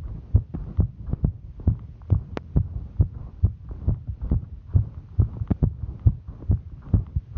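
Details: A woman's heartbeat while hiking: fast, regular, roughly 130 beats a minute with clear paired beats; normal heart sounds during exertion.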